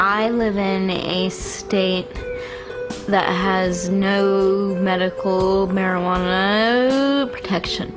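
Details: Adult woman with cerebral palsy from birth, most noticeably manifesting as a severe stutter, right side of body weaker than left; stuttering.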